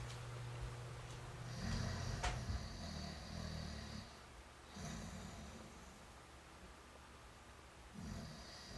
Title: Snoring Fat Slob